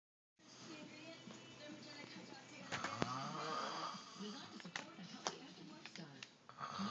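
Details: Person snoring during sleep: rough, rattling breathing noise with some background sound.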